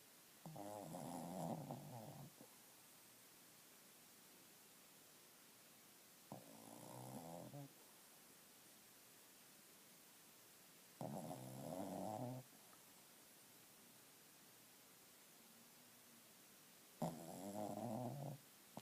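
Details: Snoring: four soft, rumbling snores on the in-breath, one every five seconds or so, about 12 breaths a minute, with a quiet room between.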